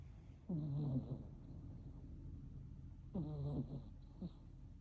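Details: Sleeping kittens snoring with groaning sounds during deep sleep.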